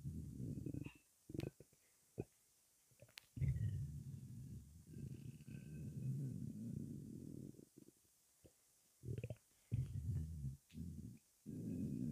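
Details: Long low rumbling growls broken by short gurgles and pops after 23 hours without food: hunger stomach rumbling (borborygmi).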